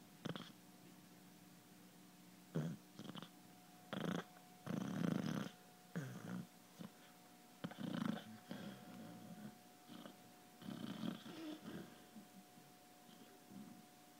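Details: Snoring in a sleeping hound: irregular low, buzzing, grunting breath sounds in short bursts between quiet gaps, with a steady background hum.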